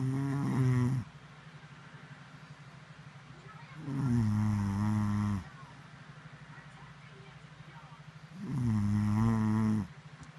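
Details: An adult woman asleep gives loud, rattling snores about every four seconds, roughly 14 a minute, with quiet breathing between them; ordinary snoring.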